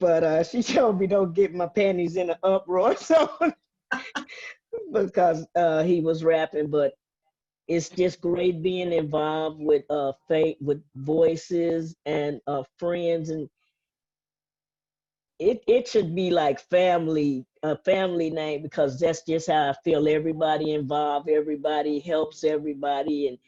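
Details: Adult woman speaking; typical speech.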